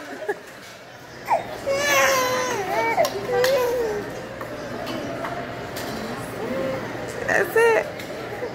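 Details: 4-month-old girl having her ears pierced: sudden high-pitched crying in short wailing bursts with pauses, over room noise; pain cry after piercing.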